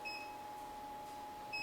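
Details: Training AED in adult mode prompts for pad placement with repeated electronic beeps over a steady tone, waiting for pads to be attached before rhythm analysis.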